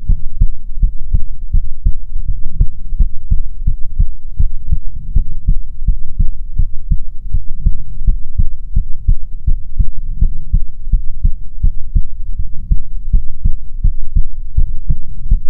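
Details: ASMR heartbeat recording: low, muffled thumping beats at roughly 80 a minute with a steady hum, picked up close to the chest; a heartbeat.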